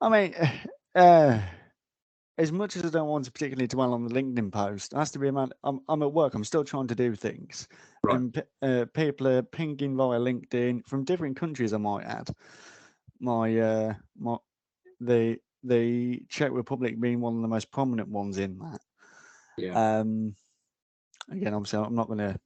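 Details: Adult male frontline security officer with a stammer; stuttering.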